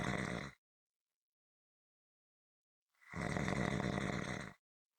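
A rough, rattling snore on the breath in, following a quiet pause, part of a regular snoring rhythm.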